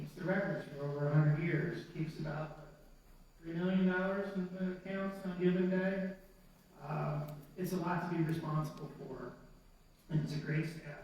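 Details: Adult man speaking; normal speech.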